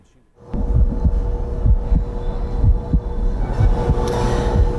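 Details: Normal heart sounds from a transplanted heart in a patient with prior end-stage congestive heart failure bridged with an LVAD: steady low thumping heartbeat about 60-65 per minute over a constant electrical hum.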